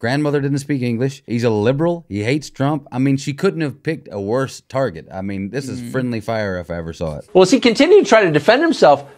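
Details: Adult male speaker; normal speech.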